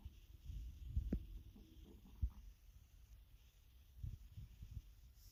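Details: Faint low rumbles and gurgles with a couple of soft bubbling pops from a hungry stomach: stomach growling (borborygmi).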